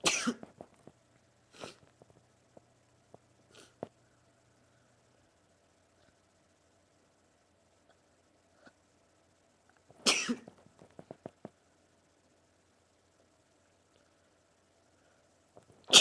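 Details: Male sneezing in a run of 20 sneezes: several sharp, explosive bursts with quiet gaps between them.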